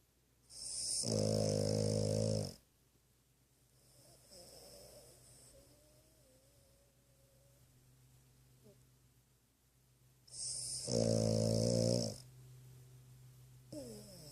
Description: always snores when she sleeps. Some days can be louder than others.